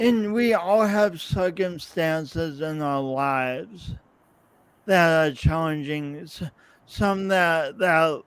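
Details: Adult man, podcast host, with his own speech impediment and coordination differences that persist despite years of practice possibly making him clearer; real, not acted; speech impediment with disfluency.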